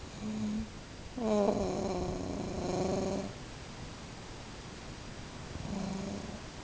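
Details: Adult woman snoring while asleep in the dark: low, rattling snores with a fluttering, purr-like quality on the in-breaths, two clear breaths and the start of a third.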